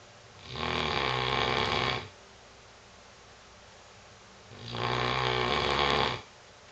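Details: English Mastiff sleeping on his new bed, snoring as he habitually does: two long, rumbling, evenly paced snores separated by a quiet pause over steady background hiss.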